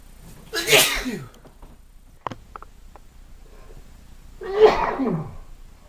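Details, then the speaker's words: Man with hay fever after pollen exposure outdoors: two loud, explosive sneezes a few seconds apart with a sniff between; part of about half an hour of repeated allergic sneezing. "I've had enough now. Oh, about half an hour's worth of sneezing."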